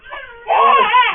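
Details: A 68-day-old infant startled by father's sneeze gives a brief, loud wailing cry after a quieter fussing start.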